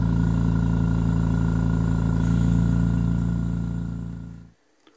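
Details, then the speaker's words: Rebuilt home oxygen concentrator running at its 10 L/min maximum, which a separate flow meter read as about 12 L/min: steady low mechanical hum with rapid regular pulsing, winding down and stopping near the end. "when this was tested after it was rebuilt it was actually pushing 12 liters per minute we've got a limit of 10 here we'll test this as this one goes up to 15."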